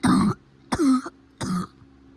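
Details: Cough that is getting better: three short, voiced, somewhat throaty coughs in quick succession.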